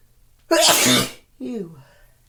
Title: Violent ticklish sneezes!!